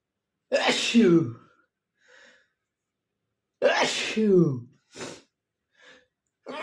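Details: Male sneezing, possibly from a cold or photic trigger, unable to stifle them: two loud, forceful sneezes with sharp intake and explosive release, followed by soft breaths.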